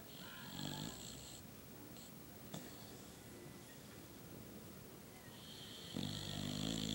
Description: My dog is a boxer so the has the smashed in nose like bulldogs. It makes her snore sometimes.